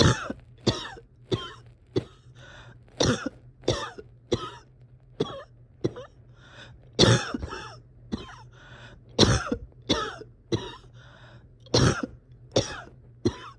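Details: Repeated cough with breathing difficulty in a person struggling to rest or get comfortable: about 20 short, harsh coughs and throat-clearing bursts with strained breaths between them.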